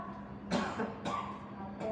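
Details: Effective cough technique by a 27-year-old man with cough and hard-to-clear sputum: forceful cough bursts after three breaths of 4 s inhale, 2 s hold, 8 s exhale, guided by a nurse in a demonstration.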